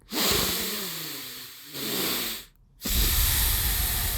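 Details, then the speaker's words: Adult with a diagnosed deviated septum demonstrating difficult nasal breathing: forceful, hissing nasal breaths with a harsh, noisy rush of air, obstructed nasal breathing. "like, it's not a good breathe. That's why it's hard for me to breathe through my nose."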